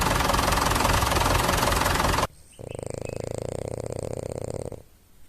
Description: The noise of a tractor, a drill, or the snoring of a French Bulldog. My dog Lady snores.